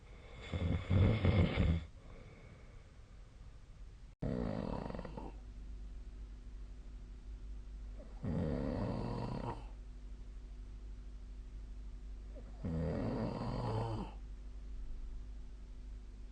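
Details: Four low, rumbling snores about four seconds apart during sleep over a steady room hum, recorded with a snoring app.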